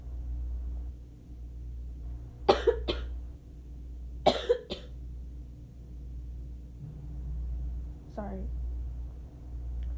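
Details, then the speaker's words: Two pairs of short dry coughs and a brief throat sound in a quiet room, from an adult during a sneezy allergy attack after waking from a nap, with asthma problems and a burning throat; cough. "the coughing. I've been having asthma problems as well. Oh, and it's just been horrible."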